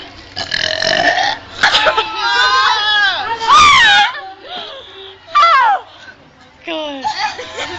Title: Burping challenge 1